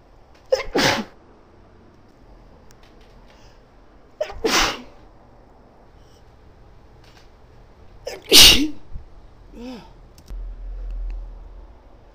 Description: Me sneezing (mostly) into my handkerchief, possibly allergies? I dunno... There was a lot of pollen around that day